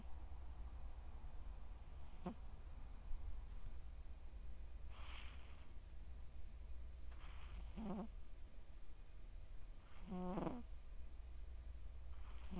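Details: Soft snorting snores, about four in twelve seconds, from a sleeping male Scottish Straight cat born July 2020, over steady low room hum.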